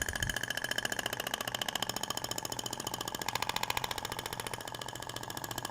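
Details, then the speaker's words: Thork radial shockwave applicator in a practical training demo, passed over the abdomen around the navel, with 2000 shots spread across two passes: rapid, regular mechanical tapping at about three to four pulses per second. "é uma técnica rápida de se aplicar então comparado com o tempo do ultrassom ondas de choque é um tratamento muito mais rápido né"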